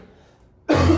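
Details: Adult cough during a spoken Chinese language lesson.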